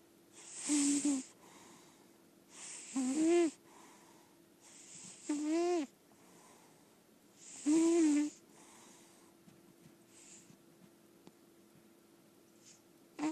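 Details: Senior lilac point Siamese cat, overweight but in good health, heavily snoring while asleep: about four loud, raspy snores with a squeaky, whistling edge over a steady background hum.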